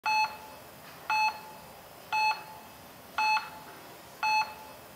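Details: Stock-footage heart monitor: steady electronic beeps about once per second, near 58 per minute.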